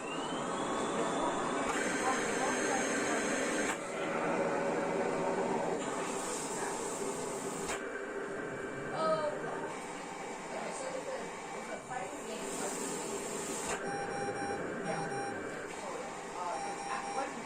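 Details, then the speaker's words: Cough assist (mechanical insufflation-exsufflation) for a girl on 1/4 L oxygen with saturation below 90, probably from airway secretions: steady machine hiss alternating push-in and pull-out cycles; saturation afterwards rose to 96–98. "Basically, the cough assist will force air into her lungs and then suck the air out of her lungs so that it will help her to cough."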